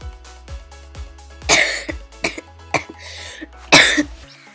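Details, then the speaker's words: An adult who says she feels really sick gives three short, harsh coughs with throat-clearing between them, over soft background music. "I'm feeling really sick. I might not really sound it. I don't know if I do or not, but yeah, I'm feeling really sick, and I don't really feel up to I don't feel up to editing a video today because I'm really sick, and I just"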